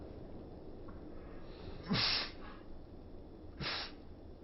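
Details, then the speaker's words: Female office cat sneezing continuously since morning, suspected cat flu, owner considering a vet visit: two short sharp sneezes over faint room noise. "Sneezing continuously from morning I was a little worried Does n’t it have a runny nose? If you continue to sneeze I have to go to the hospital I am thinking"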